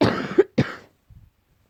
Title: coughing while trying to sleep